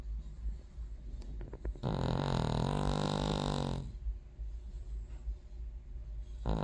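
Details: Sleeping King Charles terrier snoring: one long, loud, rattling snore of about two seconds, framed by quieter breathing noise.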